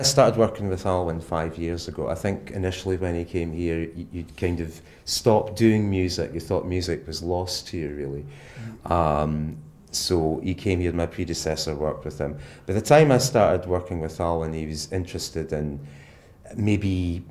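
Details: Adult male speaker; normal speech.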